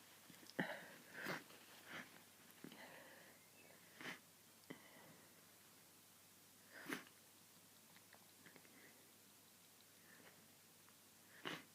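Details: Several soft sneezes and sniffs, spaced irregularly in a quiet room; repeated sneezing fits attributed to hay fever, leaving the nose snotty.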